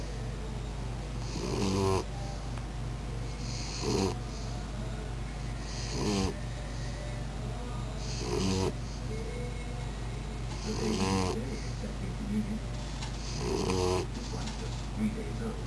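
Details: Pitbull puppy taking a lap nap after a long day of play: regular snorting snores about 28 a minute over a steady background hum. Puppy snoring.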